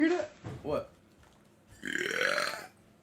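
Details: Loud, drawn-out belch following a brief voiced sound: burping.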